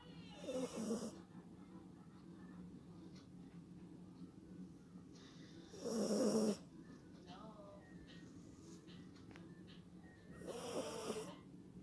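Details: Three rough, rattling snores from a sleeping dog, about every five seconds (roughly 12 a minute), over a steady low room hum: dog snoring.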